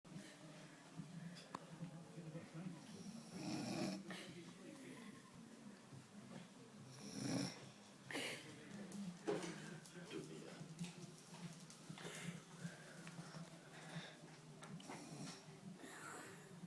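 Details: Grandmother snoring: low, rough rumbling with periodic louder snorting bursts on the breaths, over steady background noise.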